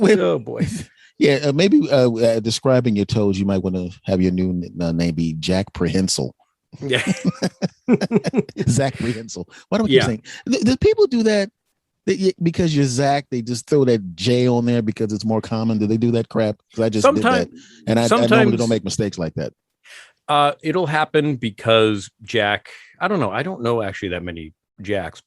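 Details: Adult male speaker; conversational speech.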